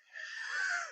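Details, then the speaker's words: Adult streamer, unsure why they are wheezing during a live broadcast, wonders about night air and says it happened when younger: a single breath with a thin, high-pitched whistle through most of its length; wheeze. "I have no idea why I am wheezing. It's so weird. Why am I wheezing? I have no idea why I'm wheezing."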